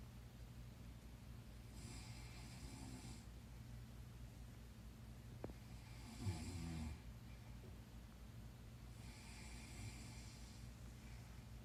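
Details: Adult woman snoring while asleep: slow, rough breathing noises recurring every few seconds over a steady low hum; snoring.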